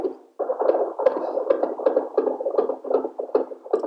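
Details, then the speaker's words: Simulated fetal heart Doppler sound made by tapping the FHR Pro probe of a wireless portable CareMother Fetomax NST/CTG machine during a dummy test: rhythmic whooshing pulses roughly 140 a minute. "now i take the fhr pro and i try to create a heartbeat sound now like you see i am trying to create a baby's heartbeat by tapping on the fhr pro"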